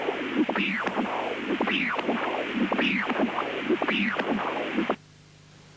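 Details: Pulsed-wave Doppler LVOT flow signal.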